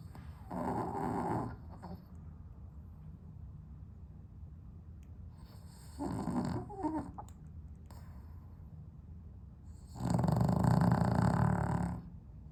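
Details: Sleeping dog with sleep apnea, somewhat improved on heart medication, on a very hot 32°C day without air conditioning: three loud rough snoring bursts separated by quiet gaps of several seconds; snoring with sleep apnea.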